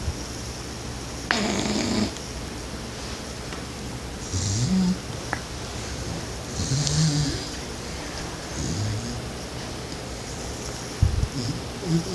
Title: Dog sounds\dog snoring